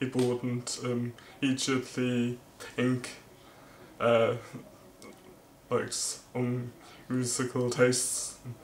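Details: Male vlogger who stammers; stuttering.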